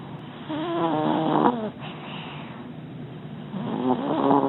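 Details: Dog named Scooter lying comfortably in his dog bed, making loud snoring noises.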